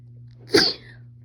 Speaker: You sneeze. Sneeze. I'm gonna sneeze. I'm gonna sneeze.